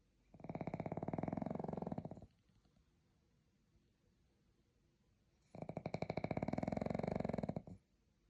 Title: The pug is sleeping 😴 #snore #pug #dog #shorts #animals